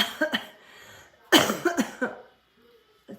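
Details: Short run of harsh, hacking coughs in quick succession after an effortful throat sound, in a quiet room, from someone doing an at-home workout who reports rib pain from coughing; cough.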